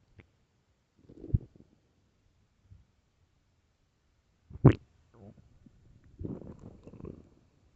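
Loud gurgling rumbles and squelches in bursts with quiet gaps between: stomach growling from an empty stomach, a normal finding.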